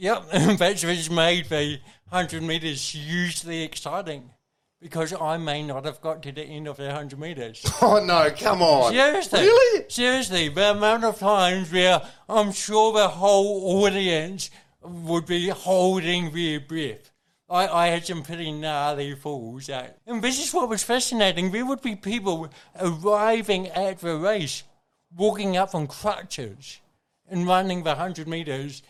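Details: Adult man with cerebral palsy from birth, caused by oxygen loss to the brain during delivery (a brain injury); he says his thinking and articulation are intact; dysarthria (cerebral palsy).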